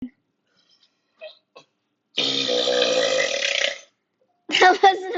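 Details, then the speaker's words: A long, loud, voiced belch lasting over a second, followed by a shorter second one; burping. "long as the last one. That was long. I'll let you know when I got another one."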